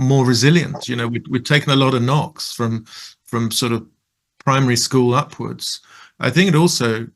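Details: Male participant who stutters and describes fear of stuttering and blocking before job interviews; stuttering.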